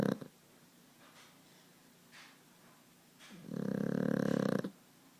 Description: New puppy "Bama" snoring